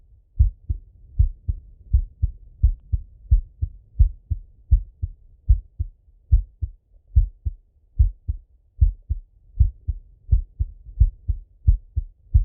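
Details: Male full heart auscultation through a stethoscope, recorded partly sitting at a desk and partly lying in bed: clear regular lub-dub beats at roughly 80 a minute; normal heart sounds.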